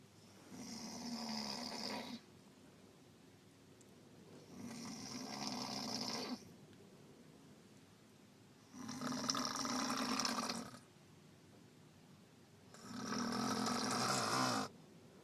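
Four loud, rough inspiratory snores, about one every four seconds (roughly 15 breaths a minute), with quiet exhalations between them and steady car noise.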